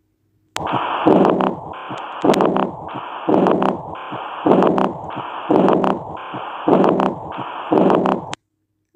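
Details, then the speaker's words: Heart sounds with a soft, blowing, high-pitched early diastolic decrescendo murmur after S2, best heard at the left third intercostal space leaning forward: aortic regurgitation murmur, teaching recording. "Again you heard the murmur of aotic regurgitation."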